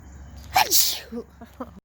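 A short indrawn breath, then one sharp explosive sneeze followed by a few soft sounds; a single sneeze.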